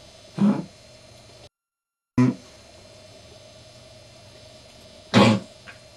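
Three separate short, rough cough bursts from an adult over a steady low room hum.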